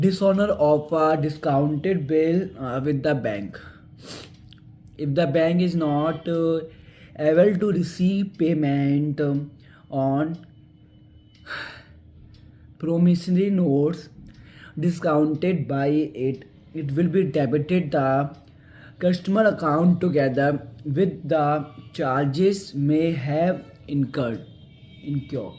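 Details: Male speaker who stammers doing stammering reading practice aloud, with an audible word repetition; stuttering.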